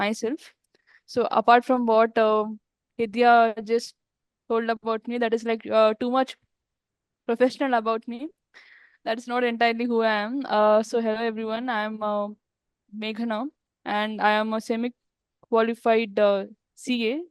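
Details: Adult woman who stammers; stammering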